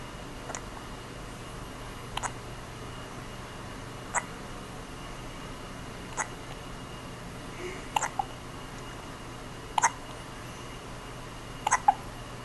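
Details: Newborn less than a day old with a bad case of hiccups: seven short, sharp hiccups roughly every two seconds, about 30 a minute, over a steady low room hum.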